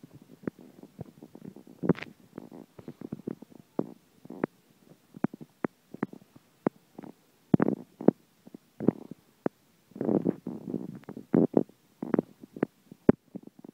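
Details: Stomach rumbling heard while the belly is rubbed: repeated gurgling and popping rumbles, active ordinary digestive bowel sounds.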